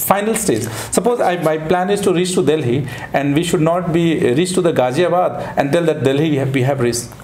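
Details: Adult man speaking; Normal adult male speech.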